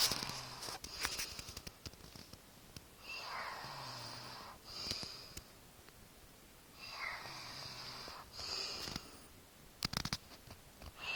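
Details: Girl making weird noises in her sleep: slow, hissing, snorting nasal breaths, about four over eleven seconds, with rustling; noisy sleep breathing.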